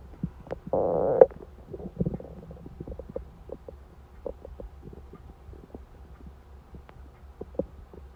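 Faint gurgles and a brief low groan over steady low hum: hunger stomach rumbling, ordinary bowel sounds.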